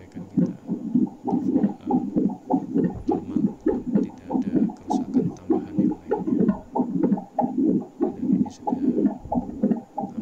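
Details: Elitech Sonotrax Pro fetal Doppler tested after probe repair (previously not detecting fetal heartbeat): rhythmic whooshing pulses about 100–120 a minute show the probe picks up a heartbeat.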